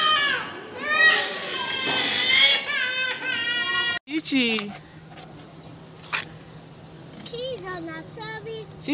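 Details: A one-year-old girl's loud, high-pitched crying after her immunization in a teaching hospital, settling into softer whimpers and fussing, with an adult voice and steady room hum behind.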